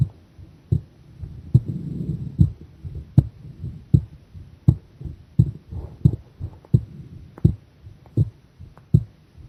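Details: Heart sounds during a strained pressure breath-hold: low thumps around 80 a minute with uneven spacing, the gaps lengthening as the rate slows.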